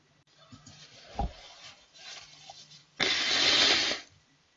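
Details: Young Chinese woman on a livestream who complains of nasal discomfort and asks for rhinitis medicine; quiet breathing and rustling, then one forceful, wet, hissing sneeze of about a second; allergy sneezing.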